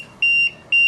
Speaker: the patient is not ventilating, you're going to hear the low minute ventilation alarm, low pressure alarm. All these alarms are happening at the same time, and you won't be able to clear it out because this patient is not ventilating.